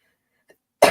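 Near silence, then a single abrupt, harsh cough burst from an adult, cut off at the end of the clip.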